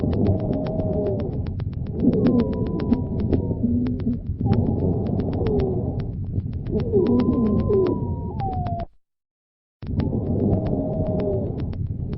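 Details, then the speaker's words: Several high musical tones above 400 Hz sounding together on inspiration and expiration in asthma: a polyphonic wheeze (sibilant rales). "le psy bilan est un bruit continu musicales dont la fréquence fondamentale est supérieure à 400 hertz il s'agit ici d'un psy bilan polyphonique entendu à l'inspiration et à l'expiration"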